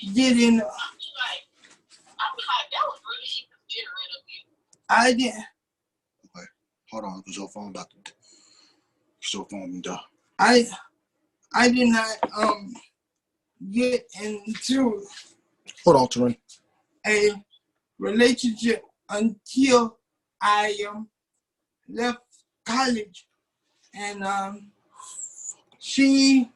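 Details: 27-year-old man with cerebral palsy since birth, muscles not working like others', wheelchair user; doctors told his family he would never talk. Dysarthric speech in cerebral palsy.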